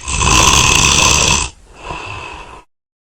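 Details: A person's own snoring: a loud, rough, rattling snore on the in-breath followed by a softer noisy breath out.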